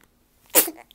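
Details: A single short, sharp, explosive burst of air: one sneeze, followed by a "bless you".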